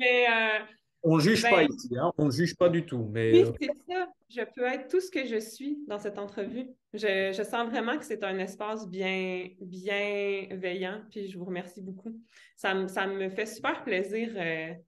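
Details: Stuttering in an adult woman who stutters, a doctoral candidate in speech-language pathology, speaking French in an interview.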